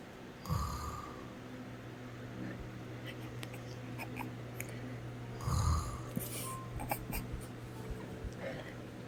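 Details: Man asleep, giving two loud, rough, rattling snores about five seconds apart, roughly 12 breaths a minute, over a steady low room hum; snoring.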